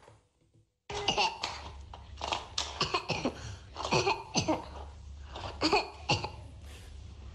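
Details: A child's feigned, attention-seeking cough.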